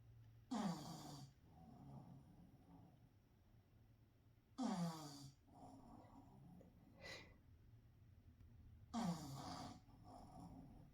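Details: Three loud, rattling snores from a pug dog, about 14 a minute, with a soft snort and quiet breathing between; snoring.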